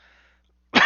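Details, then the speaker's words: Coughing from an adult speaking while still recovering from a hospital stay; cough. "i'm still recovering from my uh hospital time so you'll hear some coughing but i think it's important to get this out"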